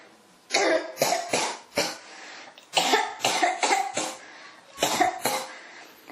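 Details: About ten harsh, dry-sounding coughs in three quick runs, a persistent fit of coughing that will not settle.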